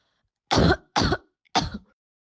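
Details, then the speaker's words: Cough from a symptomatic COVID-19 positive person: three short, fairly dry coughs in quick succession. "to make things even more challenging listen to a person who has symptoms and is covet 19 positive"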